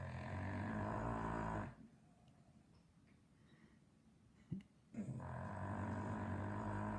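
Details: Sleepy English bulldog snoring loudly: rough, rattling snores on breaths in, with a short quiet pause between them.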